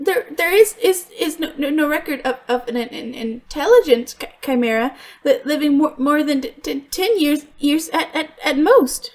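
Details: Stuttering in an adult female voice actress voicing a character who stutters; she reports she truly stutters, worse when extremely stressed, and genuinely struggled on some words here; character calls it a deep-rooted psychological issue not cured by attempts to fix it.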